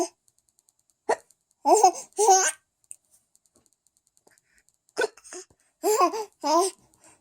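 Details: Baby hiccups: short, sharp voiced catches mixed with giggles and babbling.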